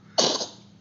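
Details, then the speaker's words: Pet cat coughing like a small child; owner wonders if it caught a cold or swallowed fur: cough. "Как маленький ребенок кашляет. Ну, что, порядок? Все, откашлялся?"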